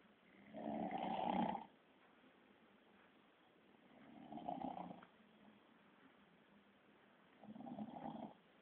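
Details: Father snoring: three loud, rough, rattling inspiratory snores, about 17 a minute, separated by quiet pauses.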